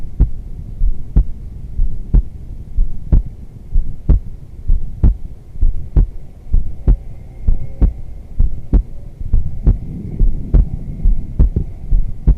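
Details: Normal female heartbeat recorded during restorative yoga around final shavasana: steady, low thumping beat at about 64 beats a minute over a soft hum, a normal resting heartbeat.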